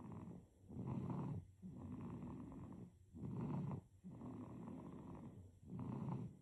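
Soft, rumbling, purring snores with both in- and out-breaths, about 24 breaths a minute: infant snoring during sleep.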